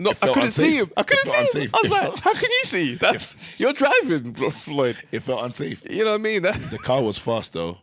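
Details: Adult speaker; normal voice.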